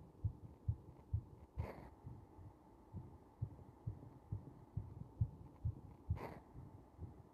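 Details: Faint, regular, slightly slow low thumps of a heartbeat recorded during compression, under steady background hiss, with two brief rustling noises.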